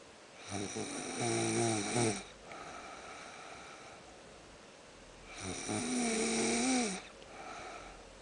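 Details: Snoring in an afternoon sleep after a tiring morning: two loud, buzzing snores on the in-breath, each about two seconds long, separated by quiet out-breaths.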